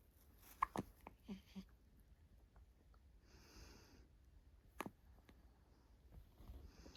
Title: Cute Preemie Hiccups ♥